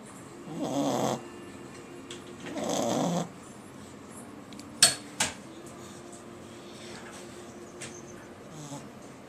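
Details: Sleeping pet snoring: two rough, rattling snores about two seconds apart, then two sharp clicks and quiet room sound.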